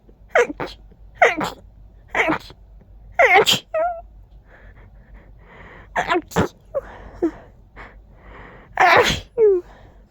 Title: Powerful sneezing fit! 🤧